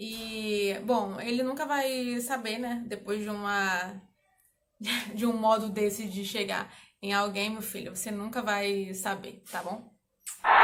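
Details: Adult woman who stutters, speaking Portuguese; stuttering.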